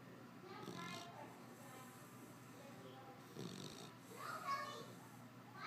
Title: Snoring until girls come in crying